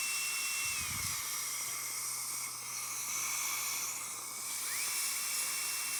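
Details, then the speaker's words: High-pitched dental high-speed drill whine with pitch shifts, cutting an anterior tooth for a conventional crown preparation, axial and gingival reduction before occlusal reduction, in a patient with periodontal history. "now if you notice I've not done any occlusal reduction I'm going to do as much with this Burr at one time as I can"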